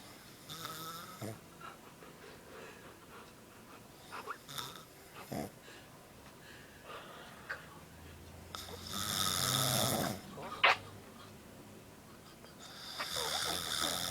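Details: Irregular rough, rattling snores during sleep breathing in an adult man (a stepdad), with a few loud inhalations in a quiet room; snoring.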